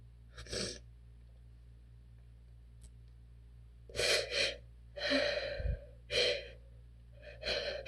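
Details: A run of forceful, hissing sneezes, some clipped and stifled, with quick breaths between, from an adult with relentless allergies who is attempting to hold the sneezes back on request.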